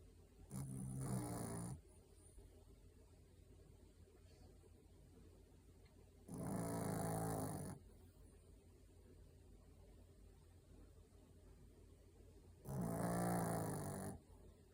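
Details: Sleeping dog snoring: three slow, rumbling snores about six seconds apart, roughly ten a minute, over a quiet low hum.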